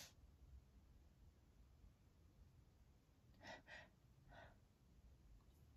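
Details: Quiet room, then a few quick, sharp, catching gasps drawn in as before a sneeze; feathers make this person sneeze.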